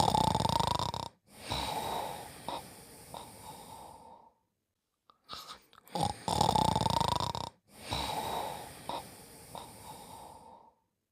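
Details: Snoring during sleep: two long, noisy, rattling breaths, each followed by softer trailing breath sounds.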